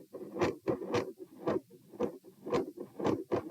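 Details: Heart recorded at position p while standing: rough beats near 113 per minute with a harsh murmur fading in and out, then a major pattern and volume change with loud split S1 and S2; ASD/PFO pattern not apparent, possibly L-R pressure; machinery-like PDA-type murmur.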